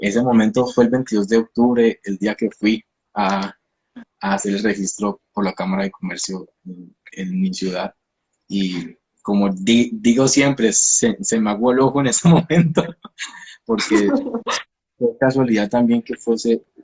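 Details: Stuttering in a 29-year-old man, himself a speech-language pathologist, with onset at age 13; he believes it was emotionally triggered around a hospitalization, with a genetic component since his father also stutters; finding: stuttering.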